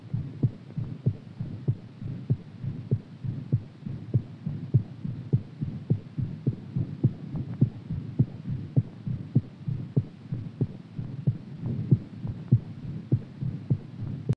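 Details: Heartbeat after exercise: rapid beats at roughly 100 per minute over low background hum.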